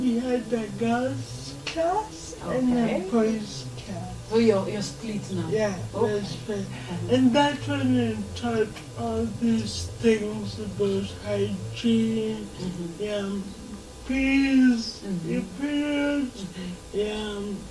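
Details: 26-year-old woman with lifelong cerebral palsy who began talking much later than other children; dysarthria in cerebral palsy.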